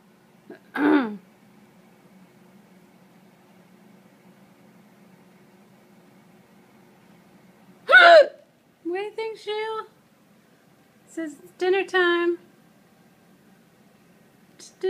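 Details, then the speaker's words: Person with hiccups while cats look on unconcerned: a few abrupt hiccup-like catches with a voiced click, separated by quiet gaps and brief vocal sounds; hiccups. "this is the catalyst and we may hiccup well Brooke huh you seem completely unconcerned"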